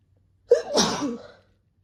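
A single sharp, explosive sneeze with a hissing burst of air, about one second long, in a quiet room.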